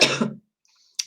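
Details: A single harsh, loud cough followed by silence and a brief breathy sound, from an adult speaking live who has a bad cold and cough; cough.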